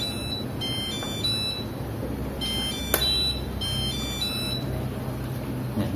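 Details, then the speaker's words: Repeating high electronic beeps over a steady machine hum: Medin CPAP alarm with red indicator light signalling an adapter fault, possibly a damaged adapter needing replacement. "ada bunyi Lalu ada warna indikator merah menyala ini menginformasikan ada masalah di adaptor bisa saja adaptor mengalami kerusakan maka kita harus menggantinya"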